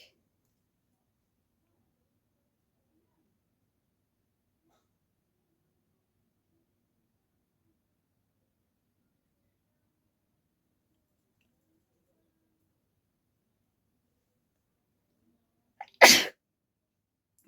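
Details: Long silence, then a brief intake of breath and one sharp sneeze from a woman inducing sneezes with a folded piece of paper, reaching six in the challenge.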